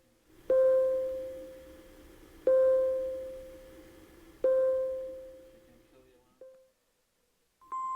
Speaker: Medium alarms are most often triggered when the high or low limits of a measurement are violated. In a medium priority alarm, the background flashes yellow and the alarm tone sounds like this.